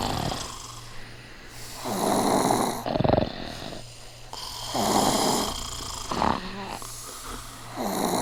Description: Every body sleeping and snoring!